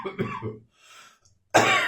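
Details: Adult dry cough, now much drier than before: two dry, harsh coughs separated by a quick breath in, with no wet or rattly sound.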